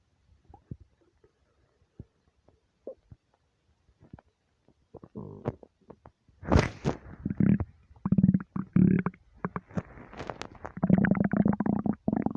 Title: deep long empty stomach rumbles